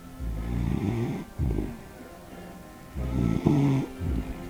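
Rough, rattling snores on repeated breaths, with soft music behind, from a sleeping dog.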